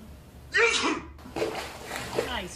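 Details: Person's sneeze, startling a cat into a pool: sudden forceful burst of air and voice, followed by a brief exclamation.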